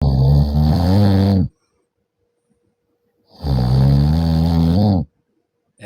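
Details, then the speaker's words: Man's heavy snoring presented jokingly as "Armenian snoring" over music: two loud, rough, drawn-out breaths about 1.5 seconds each separated by a silent pause; snoring. "а чувствуйте как армяне храпят они по-другому [музыка] у него в каждом звуке есть древность Так храпел Тигран"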